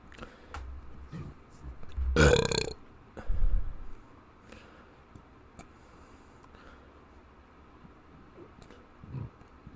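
One loud, rough burp followed by a smaller one, then quiet with faint room sounds.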